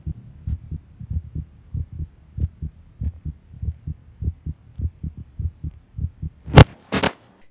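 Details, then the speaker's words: Own heartbeat recorded with an iPhone used as a stethoscope: steady paired low thumps, about 90 to 100 a minute, ending with a louder knock and rustle; heartbeat. "मैंने जो साबुन record क्या है अपने heartbeat का उसको मैं सुना देता हूं यह साइड में रिकॉर्ड किया अपने आईफोन को यूज करके"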